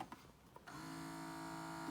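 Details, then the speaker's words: Integrated electric breast pump (PiAEK) running during unboxing and first test: steady low motor hum after faint taps, fairly quiet, suction feels strong and cycles with adjustable levels. "You can see the section here happening. It's not too noisy. I don't know if you can tell, but I don't think it's too noisy."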